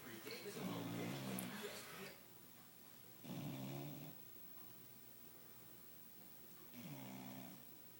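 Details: Ruby curled up snoozing on the couch after a late-afternoon bath: three slow, fluttering inspiratory snores, about seven breaths a minute, with quiet pauses between; snoring.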